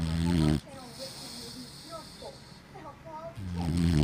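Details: A white Boxer snores loudly while sleeping; snoring.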